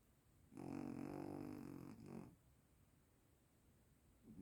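One short, low, buzzing snore with a growl-like tone, then quiet and the start of the next breath.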